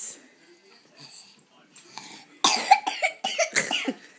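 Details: Soft sounds, then a run of about six short, sharp cough-like bursts, acted rather than real; imitated coughing.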